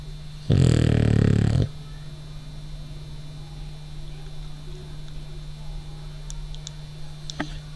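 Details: Sleeping French Bulldog, jiggling as if dreaming, gives one loud, rough, low rattling snore, then quiet breathing against a steady hum; snoring.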